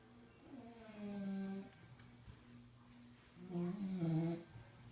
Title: Bulldog snoring SO CUTE!